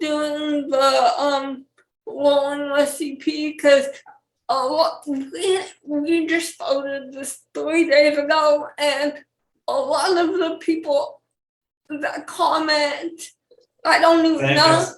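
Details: Dysarthria in a 28-year-old woman with cerebral palsy and speech issues.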